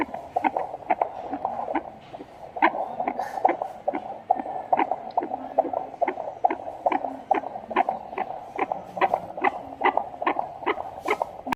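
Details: Fetal heartbeat: fast, steady whooshing at about 143 beats a minute, within the usual fetal range.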